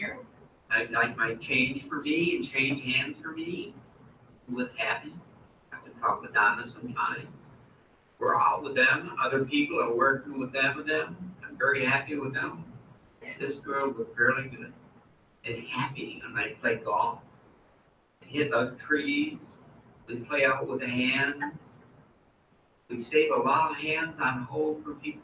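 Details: Adult man with fluent aphasia after a stroke, producing meaningless words, unaware of his errors, with stored phrases intact: Wernicke's (fluent) aphasia.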